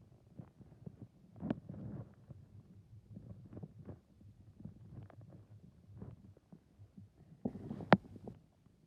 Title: My stomach growling